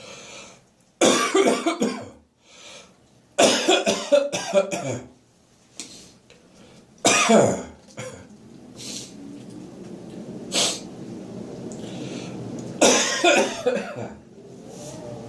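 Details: Harsh, wet morning coughing fits with throat clearing and gagging from someone who woke up full of catarrh, clearing mucus from the airway after getting up: productive cough.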